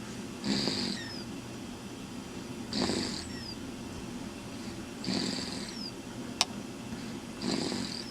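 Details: Snoring in a sleeping person, regular at about 26 breaths a minute, each breath a low rumbling flutter with a high whistling hiss over steady room noise.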